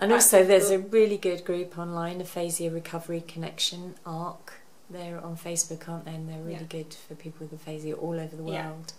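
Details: Adult woman speaking; typical speech.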